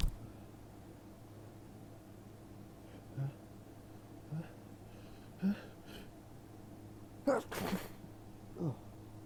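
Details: Quiet room hum with short breathy catches building into a couple of forceful sneezes, repeated teasing sneezing from hay fever in an adult attributing it to strong ragweed after heavy rain.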